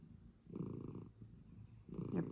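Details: Cat purring with a low, rumbling, steady pulsing rhythm and louder bursts on breathing; this cat had been sneezing badly and making a funny swallowing noise, owner suspects a hairball, while a companion cat cuddled her.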